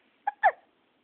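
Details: A 6-week-old baby with a full belly in the morning: two quick, sharp hiccup sounds, each a brief catch of breath; ordinary infant hiccups after feeding.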